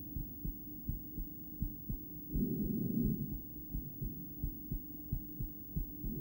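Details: A woman records her own heart with a stethoscope placed in a poor spot, with ultrasonic view and loud breathing. After breath-holding play, her heart went into intermittent bigeminal rhythm several times, with one long pause after a beat.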